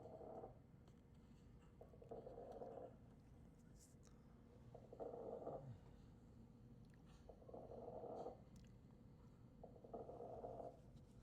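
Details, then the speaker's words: Lecture demonstration of fine crackles, high-pitched, low-amplitude, short-duration popping from air passing through airway secretions, heard over regular breath sounds. "High pitch, low amplitude, short duration."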